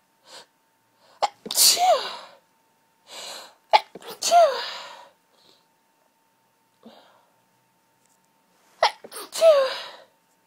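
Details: Very intense hay fever sneezing fit: three forceful sneezes in quick succession, each with a sharp inward gasp before the burst.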